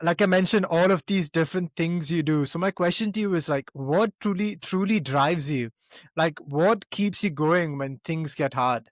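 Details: Adult man speaking; Normal speech.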